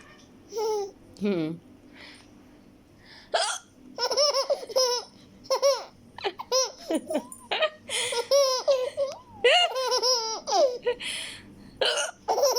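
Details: Baby laughing out loud at hiccups: brief hiccup sounds followed by bursts of loud, high-pitched infant belly laughter in a quiet room.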